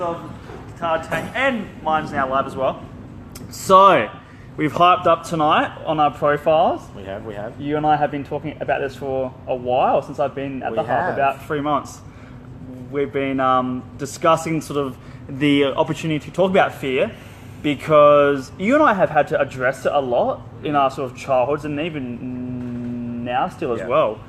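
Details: Stuttering in an adult man who dropped out of high school because of his speech and still has blocks when speaking.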